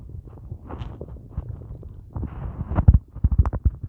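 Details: Low gurgling rumbles and irregular deep thumps from a belly after only a large coffee all day, at day's end; hunger stomach noises, borborygmi.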